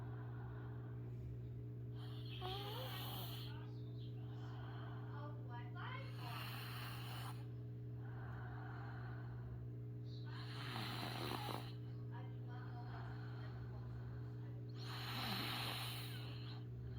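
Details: Four rough, rattling snores at regular intervals, about 14 breaths a minute, over a steady low room hum; ordinary snoring.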